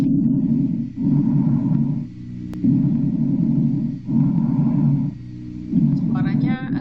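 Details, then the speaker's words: Respiratory auscultation teaching recording, normal bronchial breath sounds: loud, harsh, hollow breath sounds like air through a wide tube, louder on expiration, brief pause between inspiration and expiration: bronchial breath sounds. "sedikit kasar. Bayangkan udara itu lewat pada tabung yang diameternya besar, adik-adik. Nah, suaranya agak sedikit keras."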